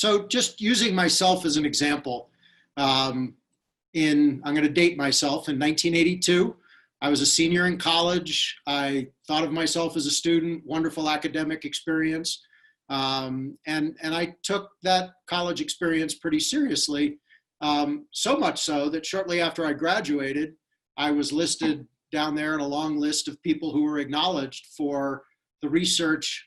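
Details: Adult speaker; normal speech.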